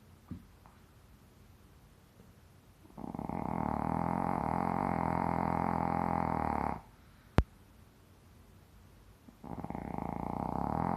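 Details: Snoring: two long, loud, rumbling snores in a quiet room, separated by a pause with a brief click.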